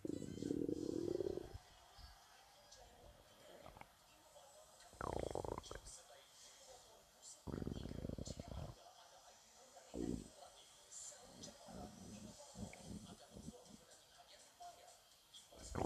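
Irregular low gurgling and rumbling bursts from the belly, typical stomach growling.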